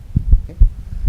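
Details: Diminished first heart sound: a few low, dull heart thumps over about a second, with the first heart sound barely audible.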